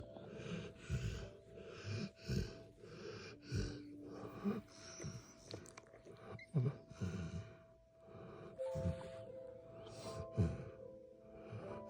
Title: Black Lab Snoring